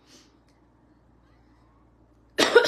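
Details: Adult woman who says she has a bad wheeze gives a single abrupt cough after a near-silent pause, cut off at the end.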